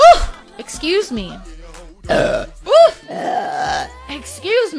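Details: Blonde adult female streamer, a mother, saying she is gassy; several loud, drawn-out voiced belches over background music and voices; repeated burping.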